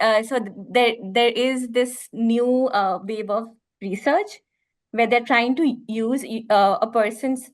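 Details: Stammering in an adult woman, real speech.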